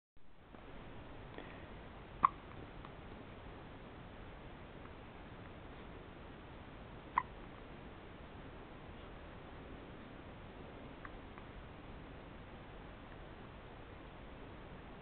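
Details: Hiccups (described as 'poor baby'), recorded 12-07-07: two or three brief, sharp, isolated hiccups spaced several seconds apart in a quiet room.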